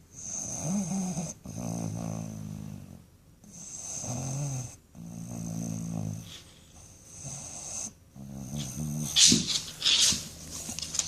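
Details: Dog falling asleep, snoring: regular buzzing, fluttering breaths on each breath in and out while dozing.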